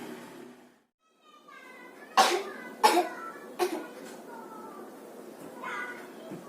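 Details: Three short, sharp coughs in a quiet room, acted by a girl as a demonstration while practicing the etiquette of coughing in front of people; cough.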